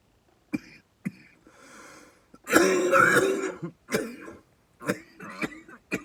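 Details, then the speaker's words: Burst of harsh, repeated coughs with throat clearing from an adult man with asthma after inhaling cannabis from a vape cart; he says he coughs until used to it after several hits. "I just I'm an asthmatic so that's why I'm coughing to it um I don't but usually when I'm smoking it for a few times and I quit coughing you know getting used to it like doing a bunch of hits you know"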